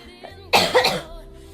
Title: Girl coughing 221